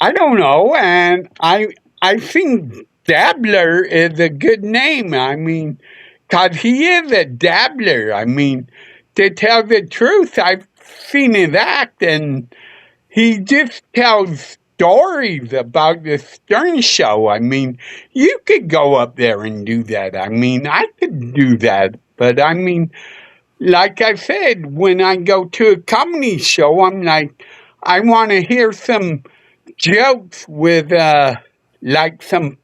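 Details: Adult male seen by a neurologist; MRI showed part of the back of the brain underdeveloped; as a child hit his head on a dashboard in a car accident, hospitalized a couple of days; often mistaken for drunk; slurred speech (possible dysarthria).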